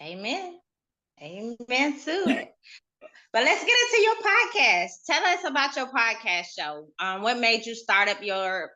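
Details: Adult woman; typical speech.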